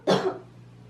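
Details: Single short, harsh cough from a sick child with a viral illness, being treated with an inhaler and medicines, with faint room noise.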